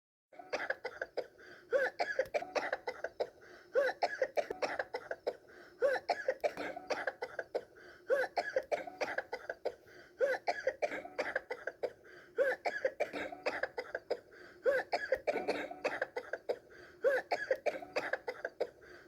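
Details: Child acting out coughing as a character, repeated bouts of short, voiced coughs, several quick coughs per bout; simulated cough.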